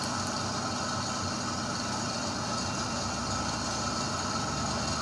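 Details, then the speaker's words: Steady motor hum and hiss of a suction machine running continuously during an airway-suctioning demonstration, as its suction pressure is tested before going to the patient; suction machine running. "Oke, sebelum kita ke pasien kita coba dulu kuat enggak tekanannya. Kalau nyedot ini posisi diutup artinya berarti cairannya disedot sini tarik ya."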